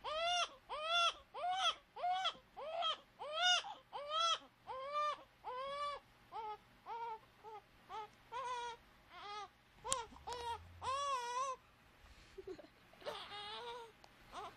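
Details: Young child woken from sleep, crying; carer remarks she couldn't sleep because she had pooped. Repeated rising-falling wails with brief breaths between; ordinary crying, no sign of illness.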